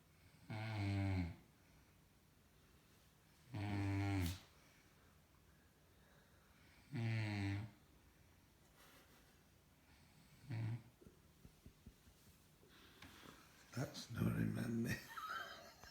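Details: Loud, deep rattling snores about every three seconds from a person in bed in a quiet room, then a faint snore and shuffling noise near the end: snoring.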